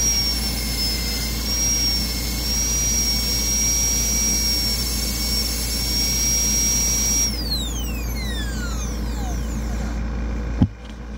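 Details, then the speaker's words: Steady high-pitched whine of a dental high-speed handpiece with a 330 bur, winding down to a stop, during endodontic access preparation on anterior tooth #8 in an ADEX-style exam demonstration. "so let's try to uh drill with the real bar so since I like to work with the 330 let's work with the 330 first"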